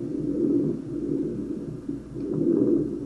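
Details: Simulated breathing from an auscultation training torso, stethoscope over the trachea; soft rhythmic rushing swells of inhalation and exhalation: normal tracheal breath sounds.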